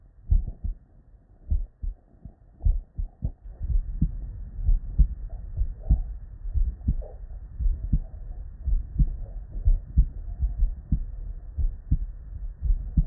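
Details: Real, unedited human heart sounds recorded at the bedside from patients with normal cardiac physiology; normal S1 and S2.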